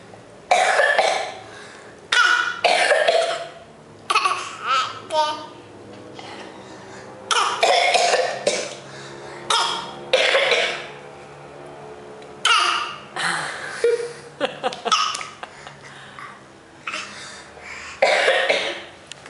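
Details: Young child giving a series of short, voiced, playful coughs, imitating his siblings' coughs from their illness rather than coughing from illness himself.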